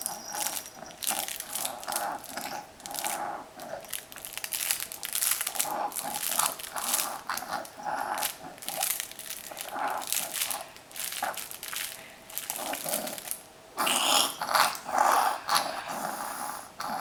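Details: 5-month-old boy, a happy wheezer, breathes loudly and noisily with a rough, rattling wheeze on each breath; the noise largely resolved by 9 months and was absent during sleep; infant wheezing.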